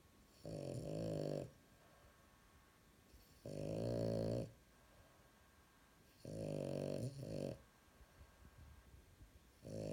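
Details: French bulldog asleep, snoring loudly with rhythmic, rattling inspiratory snores, about four in ten seconds with quiet pauses; snoring.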